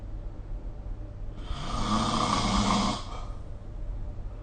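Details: Snoring during sleep recorded with the SnoreLab app: a single harsh, rumbling snore of about a second and a half over steady room hum; snoring.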